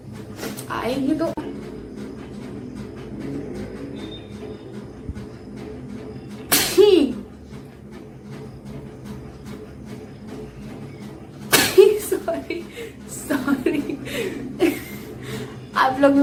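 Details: Indian girl sneezing during a sneezing challenge: two loud, abrupt sneezes, each followed by brief voiced sounds, with quiet talk and room noise between.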